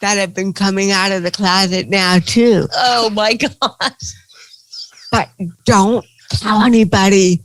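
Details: Dysarthria in an adult woman with cerebral palsy, a stand-up comedian.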